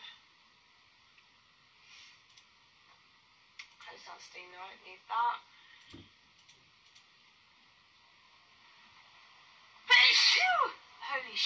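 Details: Mostly quiet room with a few soft voiced sounds, then a sudden loud explosive sneeze near the end.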